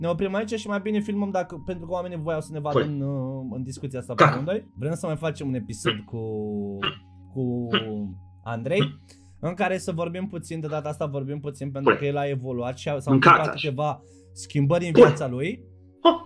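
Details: Adult male podcast host; normal speech.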